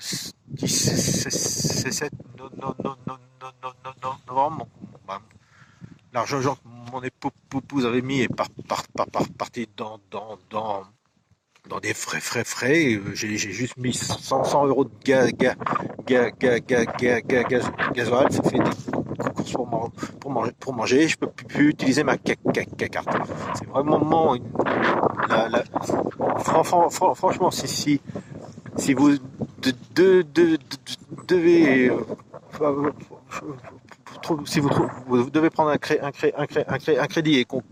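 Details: Adult male with stuttering, who says it becomes even worse and words stop coming out when he recalls a stressful period of his life (a workplace incident around 2004); stuttering.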